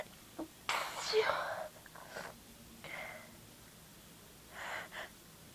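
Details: One loud, breathy sneeze after a quick inhale, then soft sniffs and exhaled breaths in a quiet room; the person remarks it was really wet and says they are bored; sneezing.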